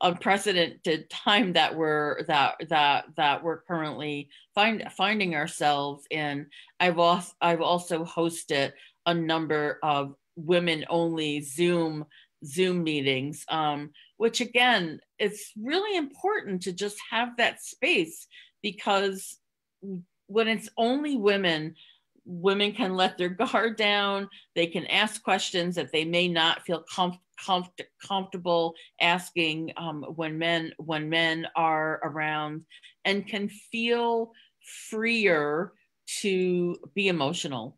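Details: Adult woman with real stuttering, with part-word and whole-word repetitions, who hid it for close to 30 years (covert stuttering) and now stutters openly; stuttering.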